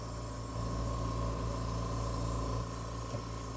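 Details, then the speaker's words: Medical-grade oxygen concentrator with nebulizer delivering healing serums, running with a steady low hum and soft hiss, during an oxygen facial on day 4 after CO2 laser resurfacing for acne scars, to speed healing and peeling. "all right so now we're ready for the oxygen and this is a medical grade um oxygen concentrator you guys probably have seen these before maybe in hospitals or whatever but this little nebulizer we can put whatever serums we want in here"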